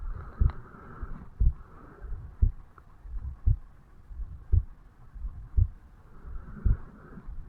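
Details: 35-year-old man's own heartbeat recorded at the mitral (bicuspid) valve area on waking in the morning: steady low thumps about 57 a minute, regular slow normal rate; normal heart sounds.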